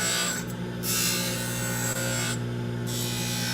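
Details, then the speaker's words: Dental lab lathe with an aluminium oxide wheel, inside a box with suction, bulk-trimming and shaping the acrylic of a wraparound retainer: steady motor hum with rasping grinding bursts. "So, mainly what I do with this aluminum oxide wheel is I Just do bulk trimming, do bulk shaping."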